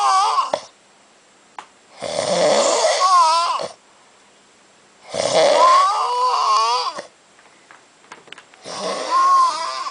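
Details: Man sleeping after a night of drinking at Oktoberfest 2008 in Munich: loud, rough snores with a whistling, rattling quality, about 19 a minute, separated by quiet pauses; heavy snoring.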